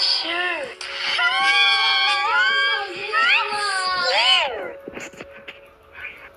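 A sustained, high-pitched wailing cry that rises and falls, then fades to fussing: an infant crying.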